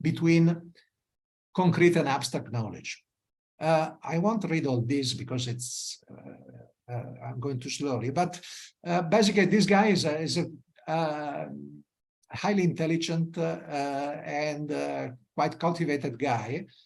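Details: Adult male speaker; normal speech.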